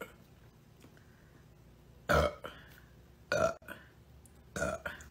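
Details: Three loud, rough burps in about three seconds after a quiet stretch, with faint talk in the background; burping.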